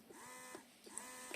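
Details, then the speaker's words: Mom Uung electric breast pump switched on by touch in a product review: soft rhythmic mechanical whir with repeating suction cycles, running briefly in a small room. "Jadi yang pertama ada alatnya mesinnya ya mesin pumingnya Nah ini tinggal dientuh saja tidak usah ditekan nah nyalakannya seperti ini"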